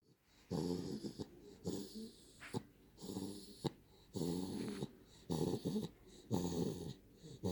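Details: Sleeping 9-week-old Daniff puppy snoring: rapid, raspy snoring breaths, about twenty-five a minute, some with a faint whistling edge.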